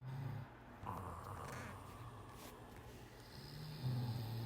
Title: Cat Snoring. Snore hard.